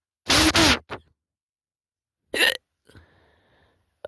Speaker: Damn it. Hiccups. Are you serious? Why is it keep going?